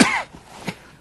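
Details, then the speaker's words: Single loud, harsh cough with a throat-clearing quality, then a faint second effort, from a male COPD patient with 50–70% lung function lost; the cough began weeks ago with breathlessness, chest tightness, fatigue and 10-pound weight loss. "I seem to develop this cough like the last few weeks or a month and it really has made me short of breath"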